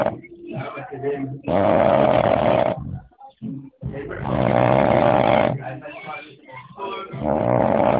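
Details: Loud, long rattling snores with harsh rough breaths between, some sounding like grunts or talk; heavy snoring.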